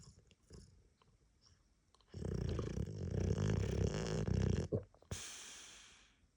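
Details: A Boxer dog with a head cold gives one long, loud, rattling snore on the in-breath, then a hissing out-breath, after quiet breathing; owner says it is not normally that bad: snoring.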